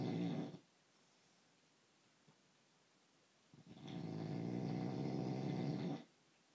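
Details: Adult husband snoring loudly in sleep despite using an anti-snoring foam spray: two long, low, rattling snores separated by a quiet pause, the second lasting about two seconds.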